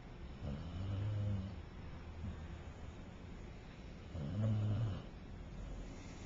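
Soft, low, rumbling snores, two clear breaths in about six seconds, over background noise. Gentle snoring during sleep.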